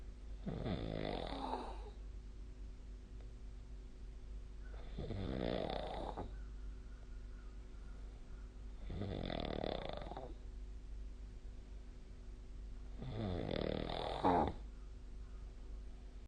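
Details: Snoring during sleep: four rough, fluttering snores about every four seconds, around 15 a minute, over a steady room hum; typical snoring.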